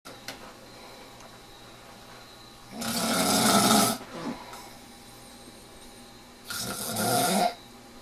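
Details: Ordinary snoring during sleep: two loud, rough, rattling breaths in a row, each about a second long, with quiet between.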